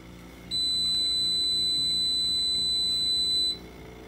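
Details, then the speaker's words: Steady high-pitched tone about three seconds over low machine hum as a standard home oxygen concentrator is switched on, feeding a BiPAP AVAPS setup demonstrated for invasive ventilation; concentrator start-up tone. "we are going to hook that up to a standard home concentrator I'll now turn that on"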